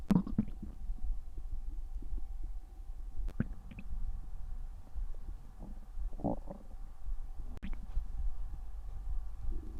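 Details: Stomach growling while relaxing: low gurgling and rumbling with scattered pops and clicks; ordinary bowel sounds (borborygmi).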